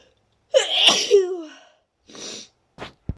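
A wet, voiced sneeze with a drawn-out falling cry, then a hissing breath and a short sniff.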